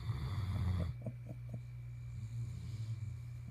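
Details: Asleep in bed: a low, rumbling snore followed by quieter snuffling breaths over a steady background hum. Snoring.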